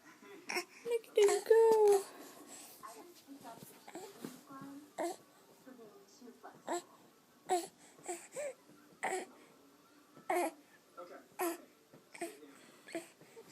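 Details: An infant during tummy time fusses with short whimpering cries and grunts while an adult speaks quietly, prompting head-lifting, in a small room; infant cry.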